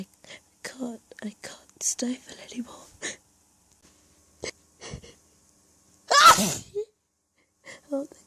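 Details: Natural, minimally induced sneezing fit from an allergy attack, acted as hiding and trying not to be heard: quiet breathy sounds and small stifled sneezes, then one loud forceful sneeze.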